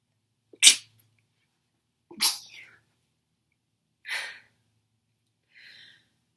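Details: Girl with a burning sensation and crying eyes, in a sneezing fit with nose blowing: four sneezes in quick succession, the later ones softer and partly held back; stifled sneezes.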